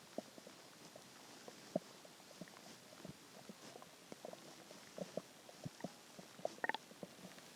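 Soft irregular gurgles and squeaks of stomach growling, a normal gut sound from hunger.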